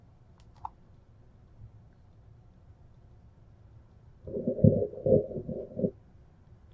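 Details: Active bowel sounds heard on abdominal auscultation of a female patient during a physical examination, after clear anterior and posterior lung sounds.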